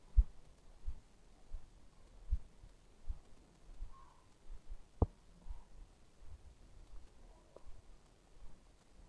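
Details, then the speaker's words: Korotkoff sounds via stethoscope during manual sphygmomanometer blood pressure check, arm cuff inflated to 180 then deflated: faint regular soft thumps about 85 a minute; first heard at 130 systolic, last at 85 diastolic. "the first time we heard a throbbing sound at 130 our systolic blood pressure is 130. the last time we heard a throbbing sound at 85 our diastole blood pressure is 85"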